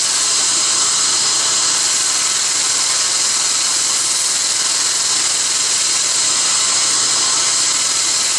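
Steady loud high-pitched hiss and whine from dental instruments working during a laser-assisted root canal.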